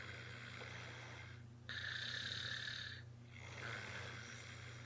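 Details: Very loud snoring in a sleeping baby: soft, whistling, raspy breaths one to two seconds long over a low background hum.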